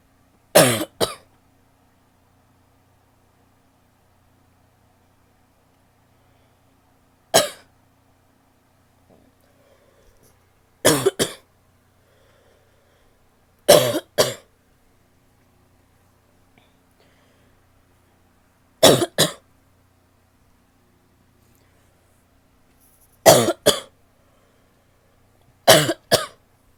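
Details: Female wet cough: seven bouts of loose, wet-sounding coughs, mostly in pairs, with quiet pauses between.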